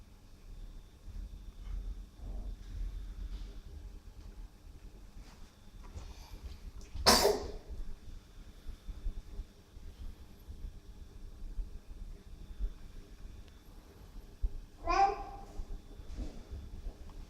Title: Sneezing